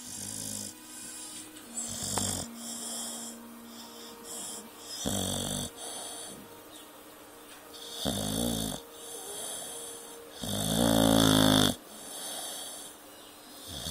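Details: Sleeping pit bull dog snoring: loud rasping snores recur every few seconds over a steady hum and faint music.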